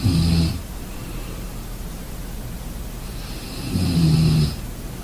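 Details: Two low, rumbling snores about four seconds apart, each with a hissy edge, separated by quiet breathing noise: regular snoring during sleep.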